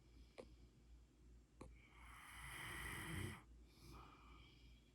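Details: Sleeping Rottweiler dog snoring: a raspy, whistling snore on one breath, preceded by a couple of soft snorts; ordinary snoring, described as not dangerous.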